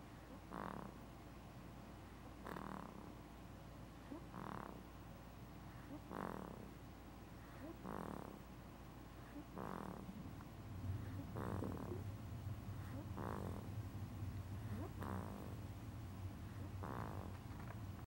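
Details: A person snoring: regular snoring sounds, one with each breath, about 16 a minute over a steady low hum; ordinary snoring.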